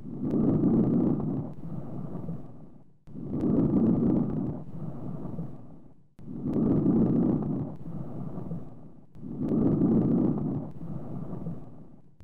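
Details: Soft, rustling breath sounds over normal chest, most of lung away from centre; louder and longer breathing in, fading quickly breathing out: normal vesicular breathing.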